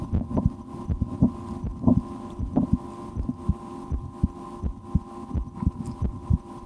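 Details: Own heartbeat recorded through a stethoscope for relaxation, at times holding breath or playing a game to raise the rate, after a restaurant lunch; irregularly spaced low thumps with steady hum and handling noise; normal heart sounds.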